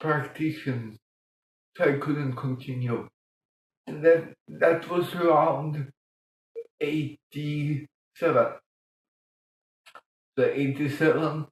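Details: Adult man born 1958 with mild cerebral palsy from lack of oxygen at birth; childhood speech problems later eased by music-aided breathing changes; dysarthric speech in cerebral palsy.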